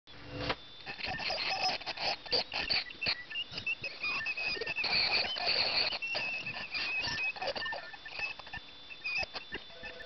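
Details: A dental scaler during a dog's teeth cleaning at a veterinary hospital: high, scratchy clicking and buzzing as it works over the teeth.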